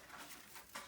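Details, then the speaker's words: Pet rats, several sneezing repeatedly, some quite a lot; owner suspects a respiratory infection and plans to treat all of them with Baytril. Sneezing. "But as you can hear, Ray and Trouble are sneezing quite a bit, and they're all sneezing a little bit."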